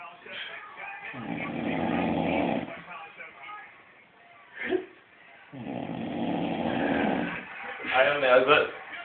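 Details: Two long, low, rattling inspiratory snores with a brief snort between them and a rougher burst at the end; snoring.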